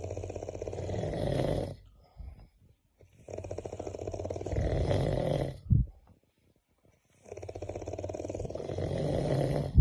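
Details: Loud snoring likened to a helicopter sound.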